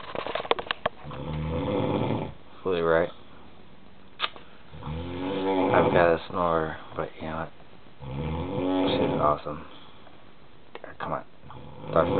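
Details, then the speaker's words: A person snoring at night, recorded by their fiancée: loud, rasping, voiced snores with some snorting, a few per breath cycle, in a small quiet room. "remember the Demon's noise this is the Darth Vader noise Darth [Music]"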